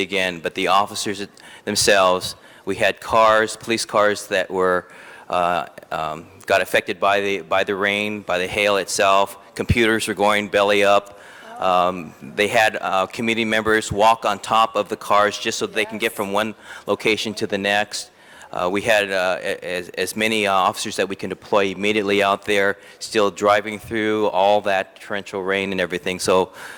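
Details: Adult male speaker; ordinary speech.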